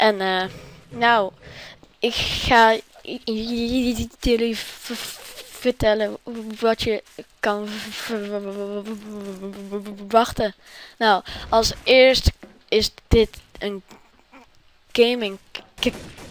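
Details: Suspected stuttering in a Dutch-speaking gaming host, inferred only from his channel being named "Stuttering Games".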